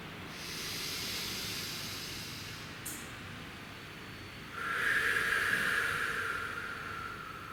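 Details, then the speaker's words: Deep breathing exercise in a physiotherapist-led active cycle of breathing technique for airway clearance: in through the nose, long steady exhale out through the mouth, repeated 3 to 4 times to get air behind sputum. "So the purpose of the deep breaths is to get air into the lungs and in behind the sputum."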